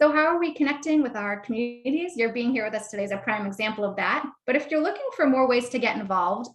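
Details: Adult woman speaking; normal speech.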